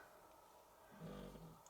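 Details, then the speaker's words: A sleeping female pet snores quietly in the background during a card-crafting session: a single low, rumbling snore of about half a second in a quiet room. "she she's probably snoring i never know whether or not you can hear it"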